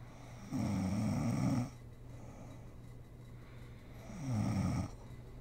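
Two loud, rough, rattling snores on the in-breath, each about a second long, with quiet breathing between. Ordinary loud snoring during sleep.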